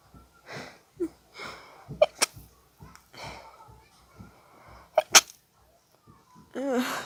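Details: A person with allergies, after a tickle in the nose, has an intense sneezing fit and tries to stifle the sneezes.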